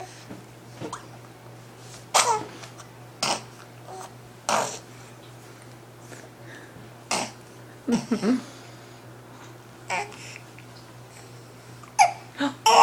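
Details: Firstborn baby with hiccups: repeated short, abrupt gulping catches at irregular intervals against steady room hum, with a snort-like sound near the end; hiccups and snort.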